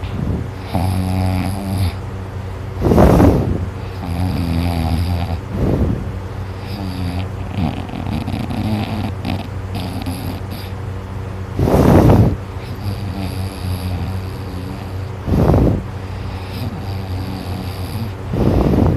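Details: Person snoring loudly in sleep while drooling: loud rattling snores on each breath, about four breaths a minute, with steady room hum between.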